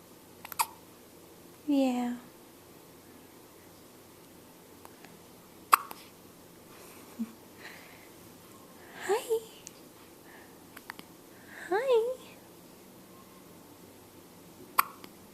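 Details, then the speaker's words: Infant with ordinary hiccups: brief squeaky hiccup sounds recur every few seconds between soft baby noises while awake, smiling and making faces; recorded on a Flip Video camcorder. "Wonder when these hiccups will go away. Oh, oh, look at those hiccups. Look at those hiccups."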